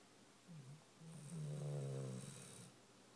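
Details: Low rumbling snore building through a long breath, a softer one before it, over quiet room noise, from sleeping female; owner jokes she needs a nasal strip; snoring.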